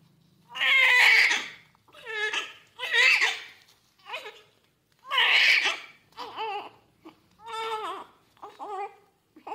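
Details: Newborn baby boy after normal vaginal delivery at 39 weeks, weight 3.3 kg: loud, high-pitched crying in repeated bursts with short pauses, a vigorous normal cry after birth.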